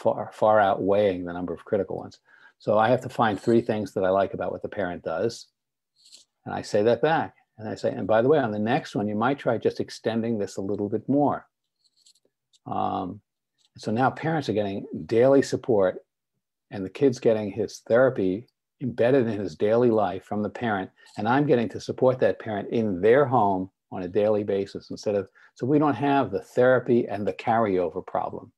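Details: Adult male speaker; typical speech.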